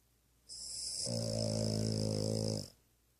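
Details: Maya, who always snores when sleeping, some days louder: one long, loud, buzzing rattle on a breath with a hissing edge; snoring.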